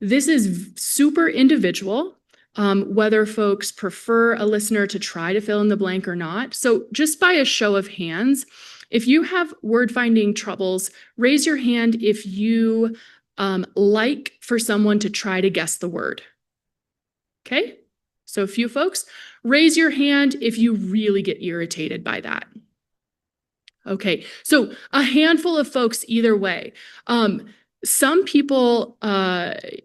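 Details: Adult woman presenter; Normal speech.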